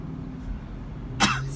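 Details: A single short, harsh cough burst from an adult, heard over a steady low car engine rumble while talking in a car; an isolated cough.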